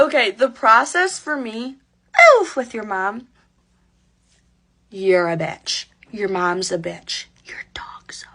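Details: Adult woman speaking; Vocal tics with coprolalia (Tourette syndrome).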